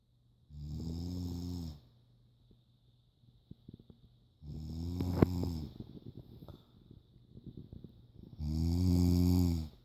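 Three loud, low, buzzing snores with quiet pauses between, about 15 breaths a minute.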